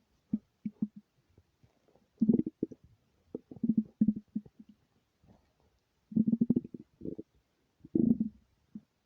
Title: empty stomach rumbles without mic